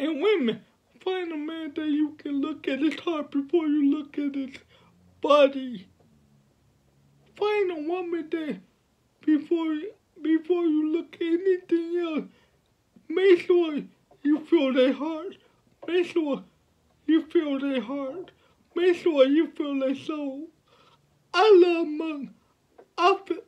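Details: 29-year-old man with cerebral palsy from birth, born at five months (premature), speaking about his own life; dysarthric speech in cerebral palsy.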